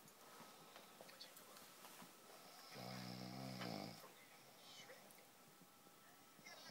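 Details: Snoring during sleep: one loud, low, buzzing snore lasting about a second on a breath in, against quiet room noise.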